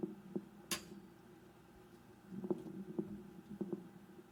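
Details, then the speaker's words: Pleural friction rub heard on auscultation: short creaking, grating sounds in clusters, caused by the two pleural layers rubbing together. "frote pleural ruido similar a crujidos originado en el roce de ambas pleuras cuando quedan en íntimo contacto"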